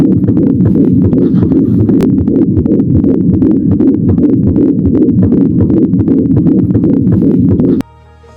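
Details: Fetal heart sounds on a table-type fetal Doppler: fast, steady whooshing pulses over dense low rumbling.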